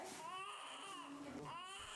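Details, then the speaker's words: Faint, brief, rising and falling newborn cry in live footage: the baby is crying and breathing on its own after bag-mask ventilation at birth. "arrêtez d'insuffler quand le rythme cardiaque tu viens normale et que le bébé commence à pleurer ou bien à respirer tout seul"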